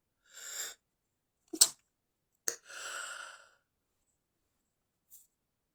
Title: stifled inducing sneezing, sometimes stifled rapid sneezing